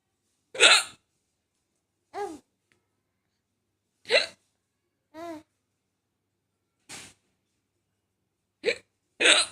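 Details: A mother hiccuping: seven sharp, brief voiced hiccups at irregular intervals over about nine seconds, with silence between them; hiccups.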